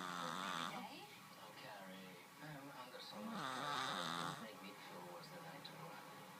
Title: cat snoring! seriously.